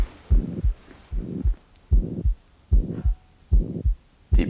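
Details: Heart murmur heard during an OSCE cardiac examination, with the patient rolled onto the left side and breath held: regular heartbeat about 75 per minute, with a rushing sound from turbulent blood flow filling the gap between paired beats.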